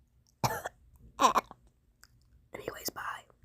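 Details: Three short, harsh, dry coughs in a quiet room from an adult with a painful sore throat who reports being severely sick, interrupting singing.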